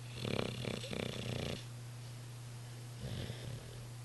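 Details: Olde English Bulldogge snoring while asleep in an odd-looking position: rapid fluttering, snorting snore bursts followed by a shorter second snore, rattly sleep snoring.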